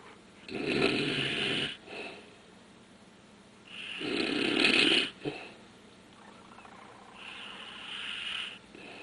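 Rough, rattling breathing noises in slow cycles during sleep, with a quieter breath between; ordinary snoring.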